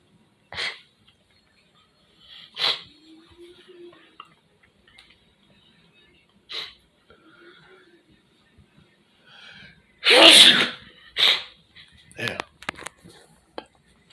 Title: Early Morning Living Room Sneeze Part Three Sniffing The Nose With Snot #sneeze